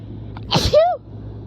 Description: These were so strong I coughed partway through the video cus it hurt my throat